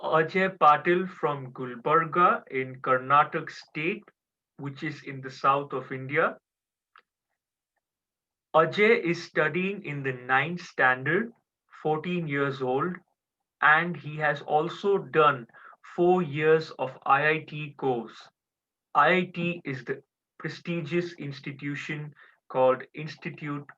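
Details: Adult speaker; typical speech.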